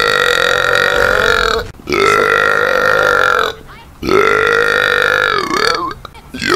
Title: Gamer Burps 15